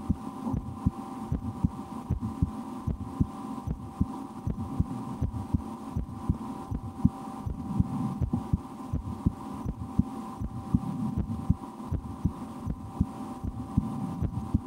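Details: Adult's own heartbeat through a stethoscope in an ASMR recording, with breath-holding and a game to speed the rate, and loud digestion after lunch; soft repeated thumps under a steady hum and rubbing; normal heart sounds.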